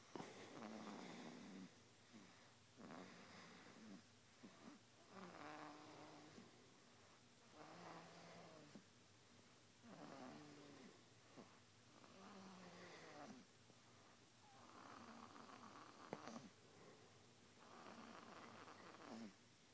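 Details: Snoring in a sleeping animal: repeated fluttering, rattling snores with squeaky whistling tones, about eight breaths in twenty seconds.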